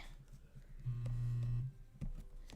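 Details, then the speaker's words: Steady low mechanical hum under a second over room noise, from a small vacuum pump worn on the speaker's leg. "Sorry about the noise. That's the little vacuum pump that's on my leg."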